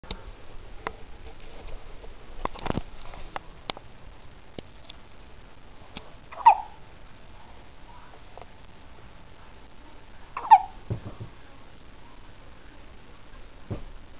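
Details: One-week-old baby boy hiccuping: two brief, sharp, squeaky hiccups about four seconds apart against quiet room noise.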